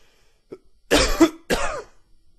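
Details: Adult with spring pollen and weather-related cough gives two harsh coughs, a faint whistling tone through the second; wheezy cough.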